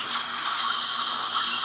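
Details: Real dental implant in wide mandibular posterior ridge, depth-set drill for 5.0 x 10 implant at 1000 rpm with saline; brief steady high hiss with faint whine; dental implant drilling.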